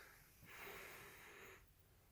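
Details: Sleeping Basset Hound: one brief, breathy snort with hissing airflow through the nose during sleep; snorting.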